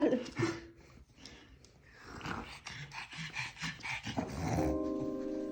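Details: Pug making rapid, repeated honking snorts while pulling air in, a reverse sneezing episode; owners think excess emotion is the likely trigger and stop it with a massage.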